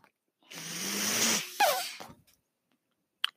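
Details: The podcast host's own mechanical ventilator, heard while he speaks: about a second of steady airy whooshing with a low hum, then a short puff and a click, a ventilator delivering a breath.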